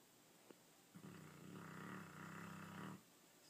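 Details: Dog snoring during sleep: one drawn-out, low rumbling breath sound lasting about two seconds, a single snore.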